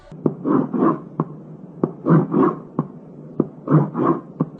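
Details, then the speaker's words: Heart sounds with a harsh crescendo-decrescendo ejection systolic murmur between them, typical of aortic stenosis. "this is ejection M of Artic sinosis it is a cresendo de cresendo in character and it is harsh in quality"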